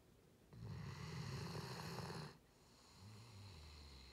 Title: Male Rhodesian Ridgeback snoring